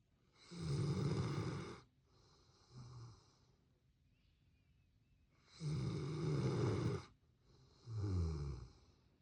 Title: Snoring dog #labrador #dog #snoring